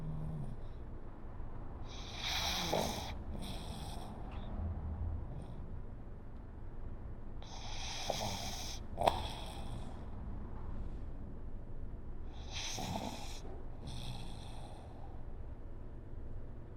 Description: My little pug makes sweet breathing sounds, almost like snores and then wakes up briefly only to go back to sleep once again.